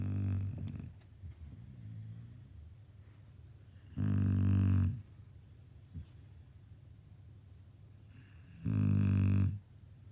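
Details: Senior boxer dog snoring quite loudly, daily during lockdown: low, rattling snores on the in-breath in two clear bouts about five seconds apart, with quieter breathing between them. Dog snoring.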